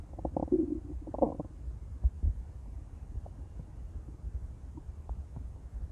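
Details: Intense stomach growling: low gurgling rumbles, loudest early, then fainter bubbling in a quiet room; ordinary borborygmi from gut movement.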